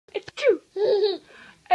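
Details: Playful imitation sneeze, not a real sneeze: a drawn-out build-up then a burst, mixed with giggling.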